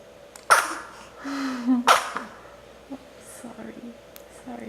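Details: Sneezing: a 4-day-old newborn baby gives two sharp, high little sneezes with a short soft fuss between them, then quiet room noise.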